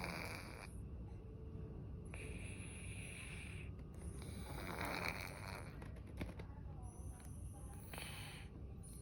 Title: what cat snore sounds like